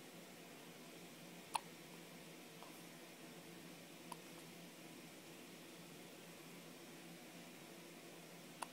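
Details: A 2-week-old baby gives three brief, sharp hiccups at uneven gaps over about nine seconds in a quiet room: hiccups.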